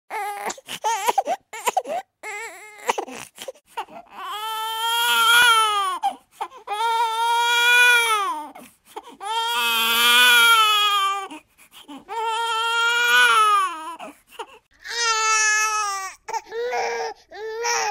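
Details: A just-born newborn baby crying for the first time, with strong, high-pitched wails lasting a couple of seconds each and short gasps between.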